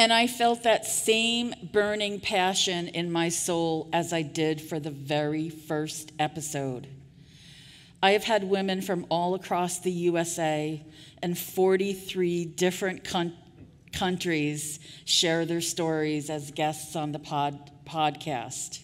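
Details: Adult woman with real stuttering speaking at a 2023 stuttering association conference keynote; audible part-word repetitions; stuttering.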